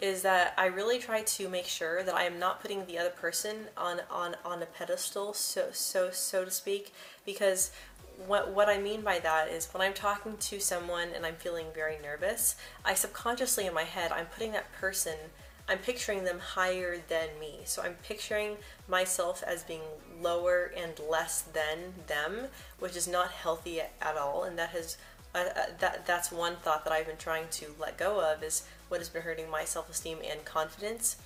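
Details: Adult woman who describes herself as a person who stutters, with frequent word and part-word repetitions; she mentions blocks. Finding: stuttering.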